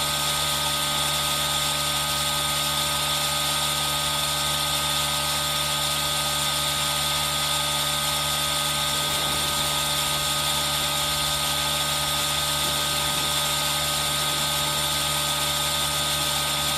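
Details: ASMR recording of a running aerosol nebulizer: a steady, loud mechanical hum and hiss with rain sound mixed in throughout.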